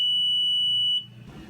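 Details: Steady high-pitched beep about a second long, then low machine hum: normal start-up alarm of a Philips Respironics EverFlo oxygen concentrator just switched on.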